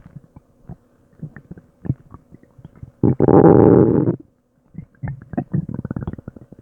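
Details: Active bowel sounds (borborygmi) from the stomach and intestines struggling to digest an unknown food, growling for a long time: scattered gurgles, then a loud, sustained groaning rumble of about a second, followed by rapid bubbling.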